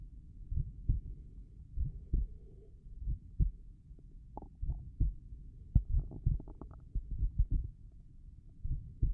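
Slow, steady paired thumps at about 48 beats a minute with some faint rustling, normal heart sounds at the tricuspid area.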